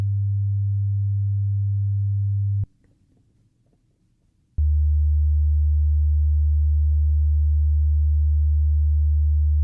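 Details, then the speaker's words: Simulated ASMR role-play hearing test: a steady low pure tone stops for about two seconds, then resumes; audiometry test tones. "Alright, so the first test is how many times do you hear the sound?"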